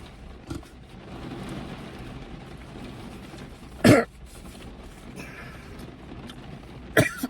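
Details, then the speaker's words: An adult man eating a sandwich gives two sharp, forceful coughs after a faint earlier one, trying to clear food stuck in his throat and chest. "I got something stuck in my chest. I ain't lying."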